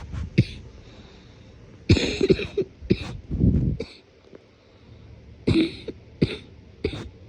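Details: Morning cough, deliberately suppressed: several muffled, wet coughs with throat clearing, congested; productive cough.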